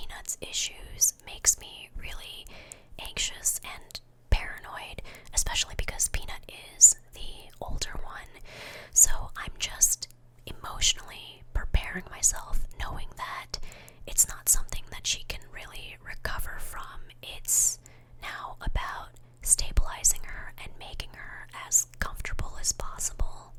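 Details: Adult woman who has almost completely lost her voice from a large cyst in her right vocal cord, on steroid and hormone medication while awaiting surgery, whispering: aphonia (whispered speech)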